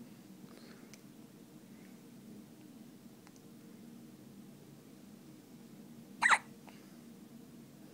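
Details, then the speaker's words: Hiccups: a single abrupt hiccup breaking an otherwise quiet stretch with low room hum. "got the hiccups, buddy? You got the hiccups."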